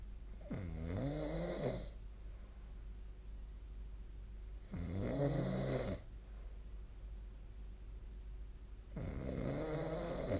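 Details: Snoring during sleep, recorded with the SnoreLab app, a night when the sleeper also sneezed: three long, rough, vibrating snores on the in-breath about four seconds apart, with quiet room hum between.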